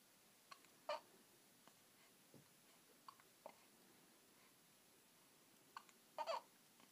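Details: Person having hiccups: several brief, sharp, spasm-like catches in the breath, some with a faint voice, in a quiet room.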